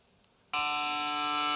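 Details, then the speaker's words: MRI scanner running the first imaging sequence, played as a 14-second excerpt in a talk (the real sequence lasts longer): silence, then a sudden loud, steady tonal buzz with several pitches layered together. "hacen ruido. Entonces, ese es el ruido correspondiente a la primera secuencia, solamente son 14 segundos. Pero son 14 segundos en la presentación, en la realidad duran bastante más."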